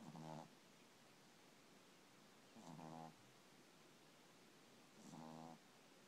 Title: Heisman Snoring